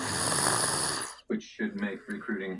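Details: Video-game character: a harsh, rattling snore lasting about a second, followed by spoken game dialogue; snoring.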